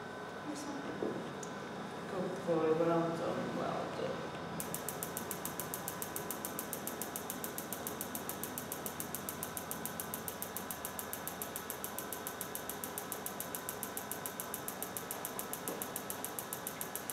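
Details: Focused shockwave therapy device firing rapid, regular mechanical clicking pulses, about three per second, over a low room hum, during a weekly session of a six-week course treating osteoarthritis in a patient praised as a good boy.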